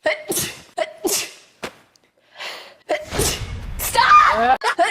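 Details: Person with allergies: several quick sneezes and sniffs in a row, then voices and laughter; they report sneezing about five times; repeated allergy sneezing.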